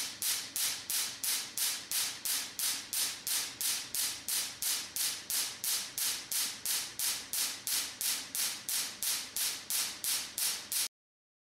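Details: Rapid, regular sharp snapping pulses, about 176 a minute, from a Bossayer T8 pulsed tattoo-removal laser firing demonstration test shots at a piece of paper about 5 cm away.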